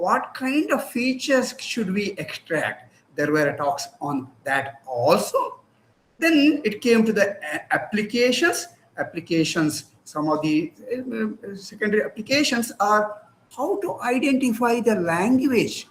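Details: Adult speaker, lecture; ordinary speech.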